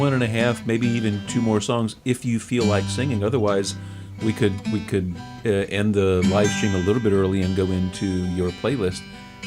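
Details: Adult male speaker; normal speech.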